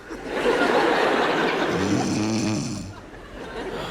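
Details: Comedy TV sketch, woman snoring theatrically in bed: a loud, rough, rattling snore with a drawn-out grunting end; staged, not real.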